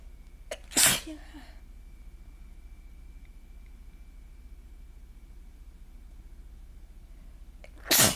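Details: Allergy sneezing fit progressing from normal to forceful, congested sneezes: two sharp, explosive sneezes several seconds apart, the second as loud as the first.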